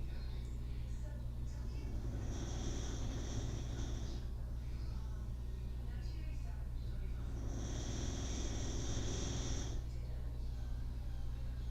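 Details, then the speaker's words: Dog snoring nearby: two slow, hissing, whistly breath sounds about five seconds apart over a steady low hum. "B if you hear that noise that's my dog snoring over there"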